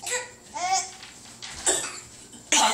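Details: Baby coos and babbles, then gives two short, deliberate cough-like bursts on request: a playful fake, voluntary cough.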